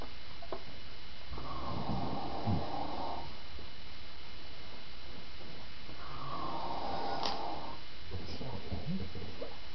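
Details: Two rough, rattling snores on the in-breath with quiet breathing between, over steady room hiss, from an adult man (a father) asleep; ordinary snoring.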